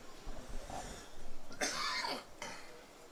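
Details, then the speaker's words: Two harsh adult coughs in quick succession, the first longer and forceful, the second brief, from a man who describes a tickle in his chest, a throat that is better, and a persisting wheeze; repeated cough. "but it just keeps on coming and it doesn't really hurt but it more just tickles and you know what it's like when you got a tickle in your chest and and you want to just cough and and clear it so sorry about that people"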